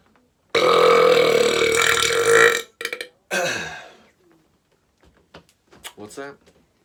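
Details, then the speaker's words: A long, loud, deep belch lasting about two seconds, then shorter belches and brief bragging speech, in a comedic skit; the person says it was effortless; deliberate burping. "Yeah, pretty sure I'm the best burper ever. Yeah. Wasn't even trying just now."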